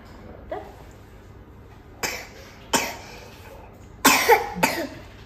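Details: Toddler with a cold and ongoing cough, seen at the emergency room: four to five short, harsh coughs, the last two close together.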